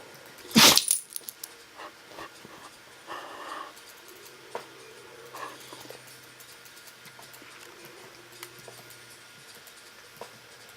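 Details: Pet named Littles having a sneezing fit: one sharp, loud sneeze, then softer snorts and sniffs in a quiet room.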